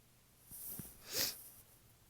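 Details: Tickly sneezes: a couple of short catching inhalations followed by one partly stifled, hissing sneeze, suppressed because others were asleep.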